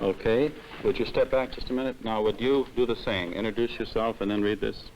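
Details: Adult man; typical speech.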